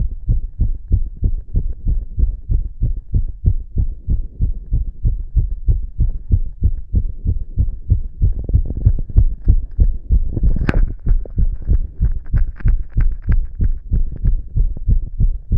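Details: Adult self-auscultating with two stethoscopes on the chest after inhaling poppers: fast, regular, racing heart thumps, tachycardia.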